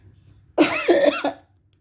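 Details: A short burst of three or four rough, closely spaced coughs from an adult in a quiet room, who is sick with a cough and has lost their voice.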